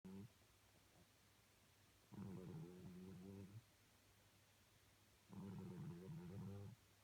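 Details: Snoring cat: soft, low, purring snores lasting about a second and a half, roughly three seconds apart, against quiet room noise; ordinary snoring.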